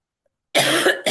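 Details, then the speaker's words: A single loud, harsh cough burst after silence, with a brief second burst starting at the end, from a woman coughing repeatedly through a talk while ill. "So, I'm just going to go ahead and cough. You know, it just is what it is, you guys."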